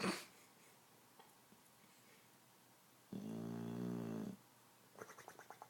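A single long, low rattling snore in a quiet room, then soft snuffling breaths; snoring during sleep.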